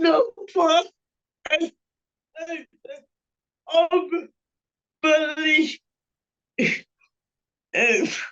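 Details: Panelist with cerebral palsy whose speech is revoiced by another speaker; dysarthria (cerebral palsy).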